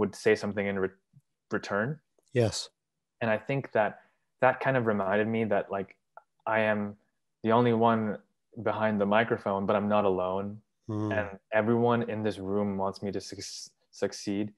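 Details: 23-year-old man, English and Urdu speaker, who has stuttered since about age three and describes having emancipated himself from stuttering; stuttering.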